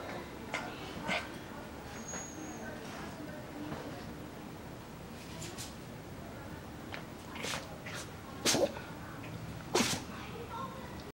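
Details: A puppy sneezes twice, sharp and explosive, after a few softer snorts.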